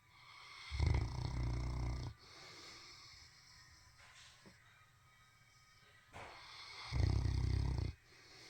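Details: Heavy snoring: two loud, deep, rumbling snores about six seconds apart, with softer breathing between them.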